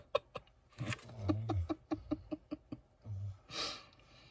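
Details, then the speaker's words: Low rumbling snores from a sleeping husky dog with a run of soft rhythmic fluttering clicks and a breathy exhale in a quiet room; ordinary dog snoring. "you hear kenai he's snoring he's my husky"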